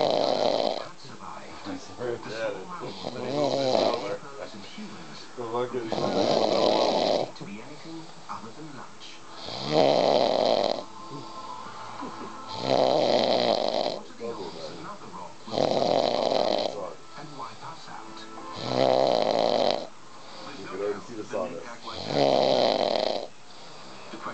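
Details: Snoring from an adult man, recorded while watching TV beside him: loud, regular snores, about eight in 24 seconds, with television sound underneath.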